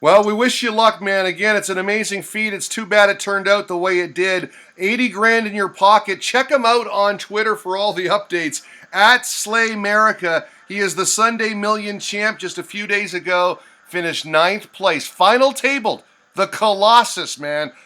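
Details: Adult male speaker; Normal speech.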